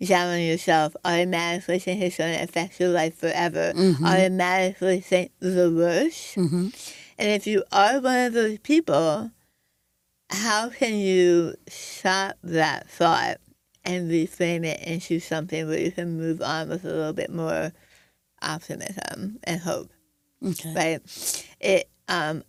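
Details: Adult woman with stage 4 right-sided tongue squamous cell carcinoma diagnosed December 2021, treated with removal of over half her tongue, arm skin flap reconstruction, neck dissection, tracheotomy, radiation, chemotherapy and speech therapy; altered articulation after partial glossectomy.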